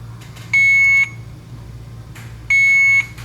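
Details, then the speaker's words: Alaris 8015 infusion pump controller alarm test during preventive maintenance, with two infusion pumps attached: two loud, steady, high-pitched electronic beeps about two seconds apart over low room hum. "Now we're going to test the alarm --"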